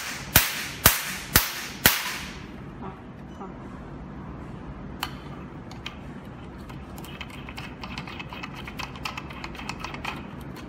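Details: Q-switched Nd:YAG tattoo removal laser (DM 9006A touch screen, 532/1064/1320 nm wavelengths) firing four sharp snapping pops about half a second apart, then faint scattered clicks.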